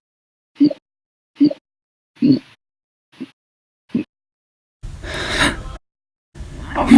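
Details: Audio-only recording of repeated hiccups, five short abrupt gulping sounds about a second apart followed by two longer noisy sounds.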